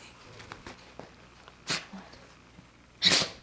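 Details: Dog with a bout of sneezes, described as itchy: two sharp, hissing sneezes about a second and a half apart, faint room sounds between.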